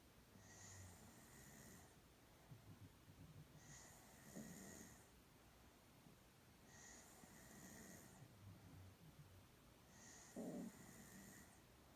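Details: Girl sound asleep, snoring slowly and regularly with rough breathy sounds about every three seconds, around 20 breaths a minute, over faint room hiss.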